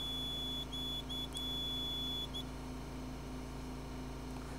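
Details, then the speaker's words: Dräger Evita XL ventilator switched on in an instructor demonstration, with air, oxygen and compressor connected: a steady high-pitched initial startup alarm with short interruptions over a constant machine hum, which is expected at power-on. "push this little flap up right here right there and turn it on kind of has initial kind of annoying alarm that's okay"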